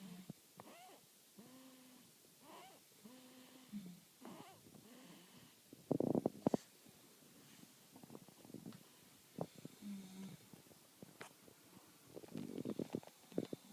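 Irregular low snoring and snuffling breath noises with brief tonal sounds during sleep; snoring.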